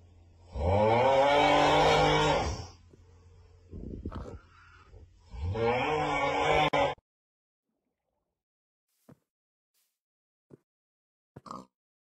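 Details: Dog snoring: two loud, rough, buzzing snores about five seconds apart, then quiet with a few faint clicks.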